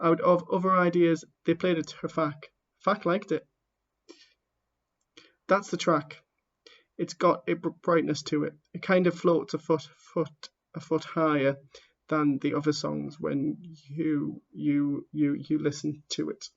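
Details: Stammering (stuttering) in a man who stammers, heard while reading aloud the introduction to his own book.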